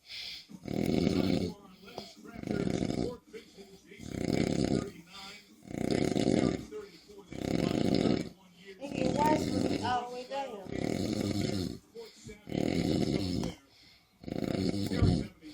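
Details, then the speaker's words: Snoring: loud, rough snores with each breath in, about 37 a minute, with quiet gaps between them, while others say he needs a hospital. "You gotta take him to the hospital. I don't know how you go to sleep. You a bad girl. I never heard nothing like this. That's not even loud."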